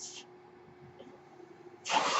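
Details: Speaker's own mechanical ventilator heard behind podcast speech, a ventilator breath cycle.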